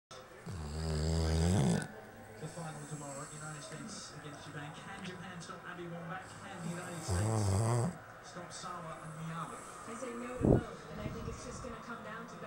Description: my dog niko is sleeping a little too hard... sorry for the annoying laughing.